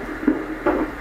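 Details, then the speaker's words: Fetal Doppler ultrasound during a pregnancy scan, with the baby moving a lot: rhythmic whooshing pulses at about 150 a minute; a normal fetal heartbeat called healthy, even exceptional. "this baby's moving a lot so that's when you hear it go like like that oh that's the heartbeat wow that's a healthy uh heartbeat right it's more than healthy it's absolutely exceptional"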